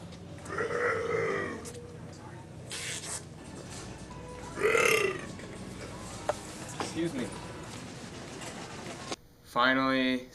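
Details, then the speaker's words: Person deliberately burping around unsuspecting shoppers in a store as a prank: two loud, drawn-out voluntary burps over store background noise, followed by a short burst of music. "ally really surprised me how many people just wouldn't react they didn't even move when I walked by and burped"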